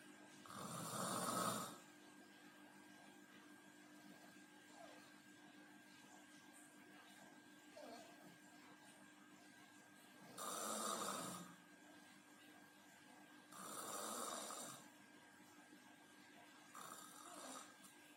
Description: Ngorok / Mendengkur saat tidur karena kelelahan